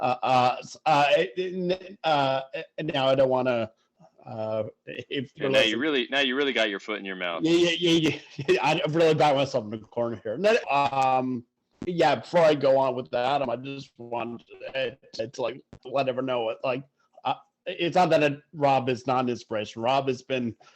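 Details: Adult who stutters, speaking conversationally; stuttering.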